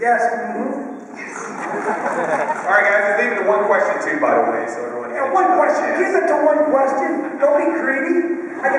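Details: Adult male speaker at a convention panel; normal voice.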